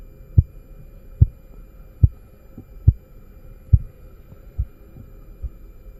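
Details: Korotkoff sounds heard while taking blood pressure in a practice demonstration: regular sharp tapping at about 71 a minute, strong at first then softening toward the end, over a faint hum.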